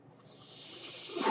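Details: A steady airy hiss builds in loudness over about a second as a man's own ventilator delivers a breath while he records a spoken podcast: mechanical ventilator breath cycle.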